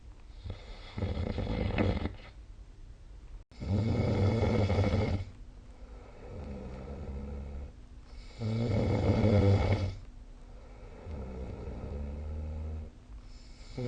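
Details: Deep, loud rumbling snores on inspiration with softer snoring on expiration, about 12 breaths a minute, recorded during sleep; ordinary snoring.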